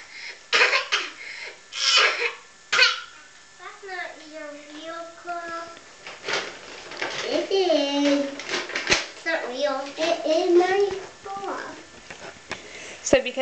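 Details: Young child deliberately faking a cough to get a cough drop, and a parent says he doesn't really have one: a few short, forced coughs, then talking and babbling.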